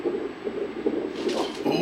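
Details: Quick, regular whooshing pulses of a fetal heartbeat on ultrasound, measured at 154 beats a minute, mother aged 41.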